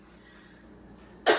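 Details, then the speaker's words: Simulated respiratory therapy session: after dry powder inhaler therapy, an acting adult patient gives one short, forceful voluntary cough on request at the end of a quiet stretch, before breath sounds and vitals are checked. "so after we're done with the therapy I want to have a big cough out of ya"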